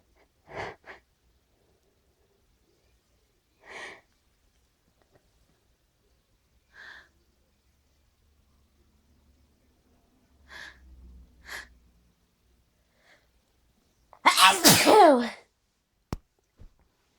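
Several short sniffs and catching breaths build up, then one loud forceful sneeze near the end.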